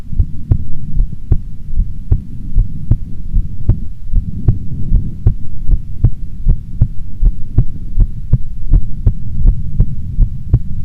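Steady, regular low thumps at about 110 a minute over a constant low rumble; a regular heartbeat.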